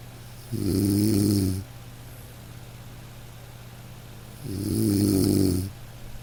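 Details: Ordinary snoring in a sleeping dog: two slow, gentle snores with long quiet gaps over soft, steady rain in the background.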